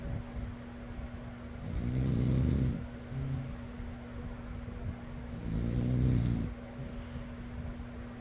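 Two deep, rattling snores about four seconds apart, roughly 15 breaths a minute, over a steady fan hum.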